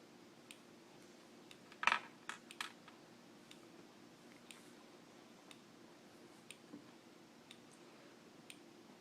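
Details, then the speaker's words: An OmniPod insulin pump being primed by its PDM controller during a pod change: quiet, sharp mechanical clicks about once a second, with one louder cluster early. "now my PDM is talking to the insulin pump you can hear it clicking it's pretty much telling it that it's time to prime it"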